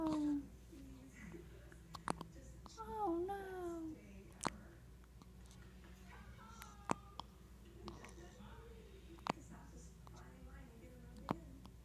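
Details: Hiccups in a young child: soft babbling interrupted by sharp, brief hic sounds every couple of seconds.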